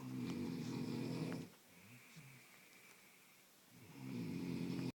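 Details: Person snoring loudly at night, keeping others awake: loud, rattling breath sounds with a short quiet pause between them; heavy snoring.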